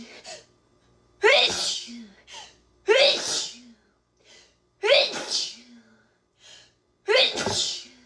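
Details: Girl: four loud sneezes in quick succession, each preceded by a short in-breath. Ordinary repeated sneezing.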